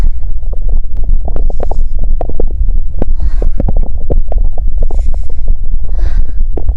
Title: 中国风沉浸式姨妈期腹痛腹鸣 40分钟 片段 Chinese-Style Immersive Period Pain & Stomach Growling Record | 40 Min Clip